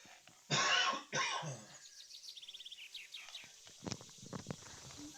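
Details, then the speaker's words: A player apologizes mid-session, "sorry I've just got a cough," during a streamed tabletop role-play game; a cough. "i'm not saying it jake i'm not saying it sorry i've just got a cough"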